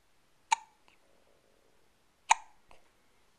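Two sharp, abrupt hiccup sounds in a quiet room, each followed by a faint after-sound, about two seconds apart.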